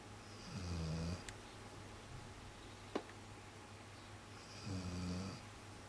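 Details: Two low, rumbling snores about four seconds apart, each a drawn-in vibrating breath, over quiet room noise, from a snorer the household had wrongly thought was someone else; snoring.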